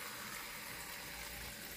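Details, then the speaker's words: Dental chair unit cup filler running after its button is pressed: a steady hiss of water filling a disposable glass for the patient to rinse. "Patient को पानी देना है तो यहां पर हम इसमें से पानी चलाएंगे और वहां पर मैंने प्रेस किया पानी आ"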